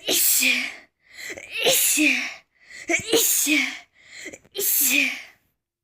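Four sneezes in a row, each a sharp intake followed by a loud burst, linked to an allergic reaction to flowers.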